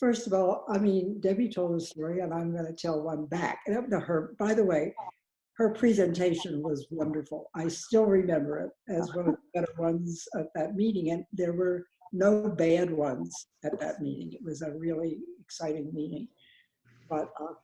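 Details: Adult woman speaking; normal speech.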